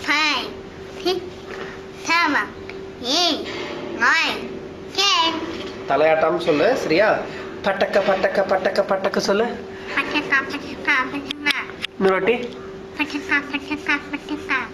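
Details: Child with definite velopharyngeal dysfunction showing hypernasality, nasal air emission, nasal grimacing and articulatory errors.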